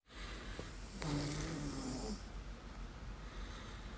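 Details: Sound-effect recording of a person sleeping in bed and snoring: a single rough, fluttering inspiratory snore, then quieter breathing in a small room.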